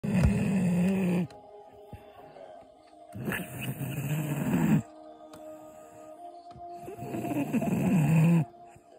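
Three deep, rumbling snores at irregular intervals, roughly 17 a minute, from a sleeping dog, with faint steady tones in the background.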